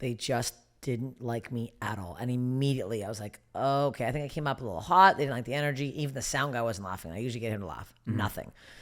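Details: Adult woman; normal speech.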